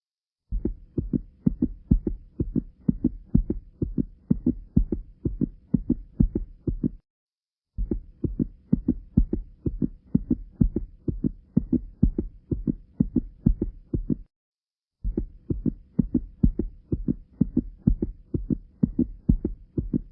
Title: Heart sound || Tricuspid Stenosis